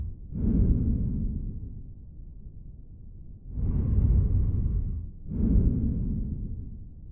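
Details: Stridor on lung auscultation through a stethoscope: harsh, loud breath sounds with coarse, noisy airflow, a sign of narrowed upper airway.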